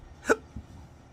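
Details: Adult man with chronic hiccups: a single short, sharp hiccup over low room noise.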